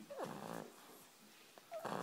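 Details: Noisy, rattling breaths with a thin whistling tone from a sleeping French bulldog; snoring.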